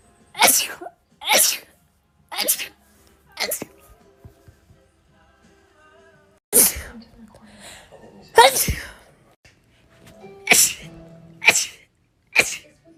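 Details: Compilation of rapid sneezes: about nine sharp, rapid sneezes in short bursts, with faint music in the background.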